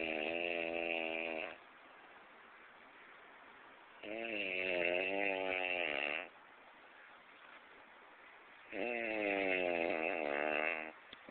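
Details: Haitian person snoring: three long, loud, buzzing breaths with quiet gaps, about 14 a minute.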